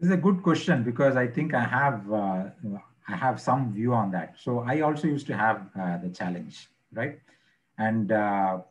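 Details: Stuttering in an adult man who stammers; he reports blocking on words, stuttering under pressure when presenting, difficulty with words starting with M or N, and says he is not fully recovered.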